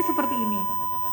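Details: Mediana defibrillator/monitor with paddles applied to the patient, demonstrated for ICU nurses: after charging to the set energy level, a steady, pure electronic tone sounds continuously to signal that charging is complete and a shock is ready.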